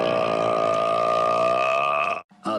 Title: Burps big